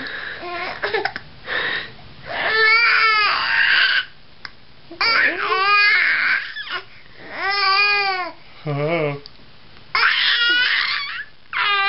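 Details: Male infant who had been in a good mood gives repeated wailing cry bursts with short gasping pauses and brief whimpers between them; infant cry.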